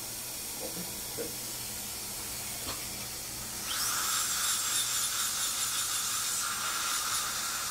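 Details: Dental handpiece with a white polishing stone smoothing posterior teeth to eliminate working, balancing and protrusive excursive interferences in occlusal adjustment; steady high hiss rising to a whining polish, with light pressure to avoid burning.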